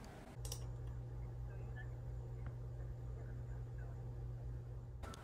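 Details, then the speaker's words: Simulated moderate hearing loss: a speech sample made to sound muffled and faint under a steady low hum, showing how speech might sound with moderate hearing loss. "the next sample is what moderate hearing loss might sound like"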